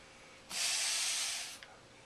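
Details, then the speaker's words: Incentive spirometer teaching demonstration for preventing postoperative pulmonary complications: one sustained, hissing, roughly one-second blow into the mouthpiece, the incorrect use of exhaling instead of a slow deep inhalation. "it didn't move you almost have it but instead of blowing into the mouthpiece you're going to put your mouth on"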